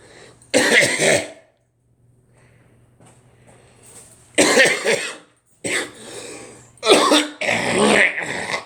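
Several harsh, loud cough bursts, some run together into bouts, with quiet gaps between and faint room hum; a plain cough.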